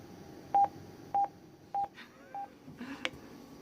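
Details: AED defibrillator alert tones: four short, evenly pitched electronic beeps about half a second apart, then a click.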